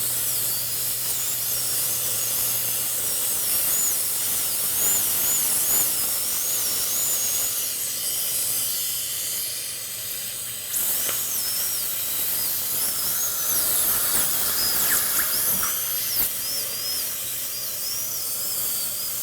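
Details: Continuous shrill whine of a dental high-speed handpiece (drill) with wavering pitch and water-spray hiss, during final preparation of four upper-right teeth at once for crowns.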